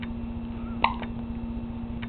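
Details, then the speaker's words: Baby girl who gets hiccups constantly, even in the womb, having hiccups again: a single short, sharp hiccup catch over a steady background hum. "the hiccups again she gets the hiccups a lot oh poor baby just trying to get rid of this hiccup"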